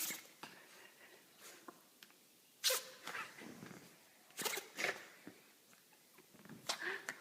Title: Cute Yorkie Puppy Sneezing Hysterically